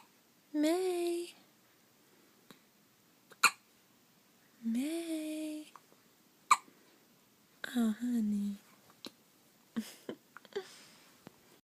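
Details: Hiccups sounding like a squeaky toy: repeated short squeaky yelps with sharp clicks between them, spaced a few seconds apart.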